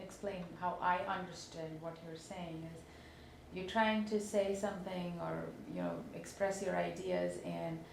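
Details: Adult woman speaking; normal fluent speech.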